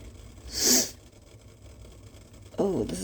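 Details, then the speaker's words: Sneeze while leaning over steam to blow the nose into a bandana: a single sharp, hissing sneeze burst in a quiet room, then a brief vocal sound. "almost wanting to make me sneeze it's so yeah it's definitely opening up my SES this is why I did this"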